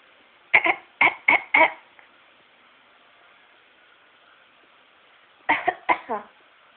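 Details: Coughing: two short bursts of four coughs each, separated by a pause, against quiet room noise.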